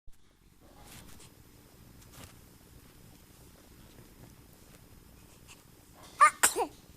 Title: Gentle sneeze